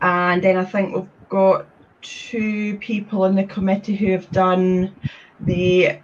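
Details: Adult woman who describes having had a speech condition; stuttering.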